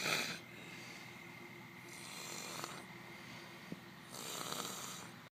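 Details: Light snoring: soft, airy, hissing breaths with a faint rattle, rising and falling over a few seconds.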